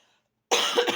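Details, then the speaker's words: Adult woman with a lingering, persistent cough she is fed up with: a harsh cough burst after a moment of silence. "могу девочки заманал мне уже этот кашель заманал"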